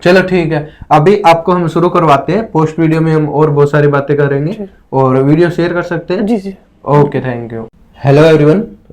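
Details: Adult male speaker; ordinary speech.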